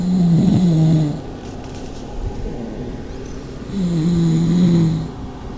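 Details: Pugs in a snoring contest, asleep: two loud, low, rattling snores about a second each with quieter breathing between; flat-faced dog snoring.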